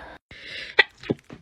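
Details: Sneezing compilation clip: a person with allergies who says they sneeze constantly gives a quick indrawn breath, then a single sharp explosive sneeze with a short trailing sound.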